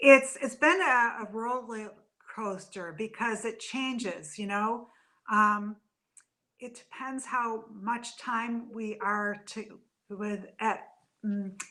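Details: Adult woman with aphasia after a stroke from a brain AVM about three to four years earlier; still in speech therapy.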